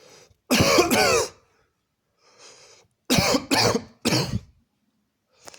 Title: 2 minutes straight of COUGHING!!!